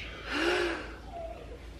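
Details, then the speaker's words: Young child with asthma learning to use an inhaler, lips over the top, being told to breathe out first; one audible breath out, then quiet; exhalation before inhaler use. "so he puts his lips over the top here we're gonna start over so breathe out"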